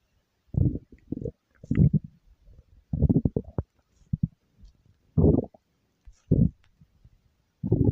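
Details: Ordinary stomach growling: low, irregular gurgling rumbles in short bursts separated by quiet gaps.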